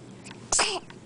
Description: baby with hiccups, and bonus sneezes